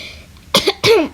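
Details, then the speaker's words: Two quick, dry, throaty coughs from a child in a quiet room, acted in a sick-day routine; the child says she has had a cough since yesterday, feels a little sick and has a very dry throat; cough. "And lately I've been having the cough since yesterday, and I'm starting to feel a little bit sick and my throat is really dry."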